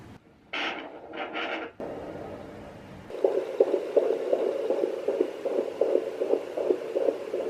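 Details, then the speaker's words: A rapid, regular whooshing fetal heartbeat at home on a Sonoline B Doppler, about 160 beats a minute, after probe scraping; fetal heartbeat. "I'm going to share the clip with you of the very first time we heard her heartbeat"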